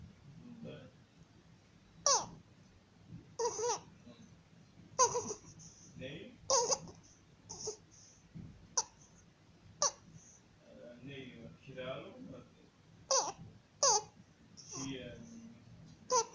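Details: 50-day-old infant with repeated high, squeaky crowing noises on breathing in; inspiratory stridor due to laryngomalacia.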